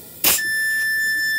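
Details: Precision high-flow oxygen/air blender, demonstrated in respiratory therapy teaching with the oxygen supply unhooked. A clunk, then a steady high-pitched continuous alarm tone because the blender cannot work without both air and O2.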